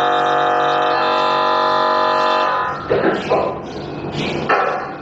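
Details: Loud, steady droning buzz followed by rhythmic knocking bursts from an MRI scanner during a scan; normal scanner noise that some claustrophobic patients find frightening.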